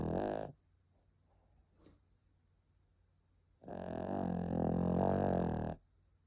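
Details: Snoring in a sleeping dog: loud, rough, fluttering breath sounds about two seconds long, separated by quiet pauses.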